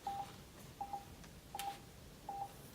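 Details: Short paired electronic beeps about every 0.75 seconds, in a quiet room, from a pulse oximeter showing heart rate and saturation. It is clipped to the finger of a pneumatically driven difficult-airway simulator mannequin during a simulated airway training demonstration.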